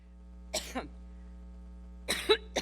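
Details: Cough from a public figure at a New York event, described as a low-energy coughing incident: cough.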